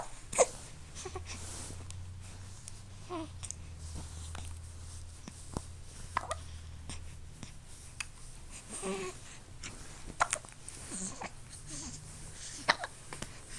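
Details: Repeated short, sharp hiccup clicks every second or two with soft fussing and a low background hum; infant hiccups.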